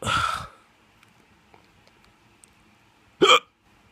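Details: Drunk hiccups: two abrupt voiced hiccups about three seconds apart in a quiet room.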